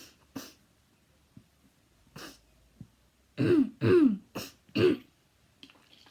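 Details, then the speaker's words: Chronic habit cough of five years' duration in a girl in Australia: repeated short, dry, honking coughs and throat-clearing bursts, about nine in six seconds; she reports coughing what feels like a hundred times per minute. "I usually call for what feels like a hundred times per minute and I've been coughing for the past five years"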